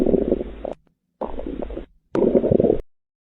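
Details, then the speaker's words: Teaching example of hyperactive bowel sounds, high-pitched sounds heard after eating, early bowel obstruction, gastroenteritis and diarrhea: three bursts of loud, busy gurgling in close succession over the abdomen. "Next hyper active Powell sounds இது high பிச்சடு sounds after eating yearly Powell obstruction Castro என்டடிஸ் diarrhoea இதுலல்லாம் பார்க்கலாம்."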